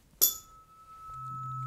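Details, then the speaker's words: Tuning fork struck with a sharp clink, then a steady, soft pure tone, fairly mild in loudness, in a demonstration of the Rinne hearing test before placement on the mastoid. "you bang your your tuning fork okay I can hear that now you're gonna put it on the mastoid"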